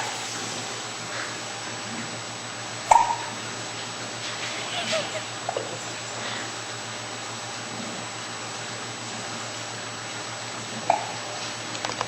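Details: A child's brief, sharp hiccups, two clear ones and a few fainter, spaced irregularly over a steady room hum; hiccups.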